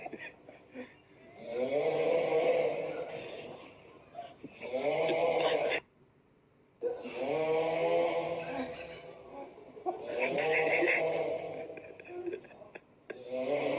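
Long, droning, buzzy breaths with a rough voiced quality, about 20 a minute and unevenly spaced, consistent with loud snoring.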